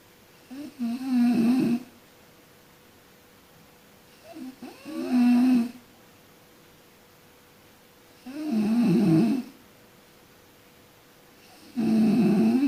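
Rhythmic snores with a low fluttering rattle, about 16 a minute, separated by quiet exhalations; faint steady room hum in the background.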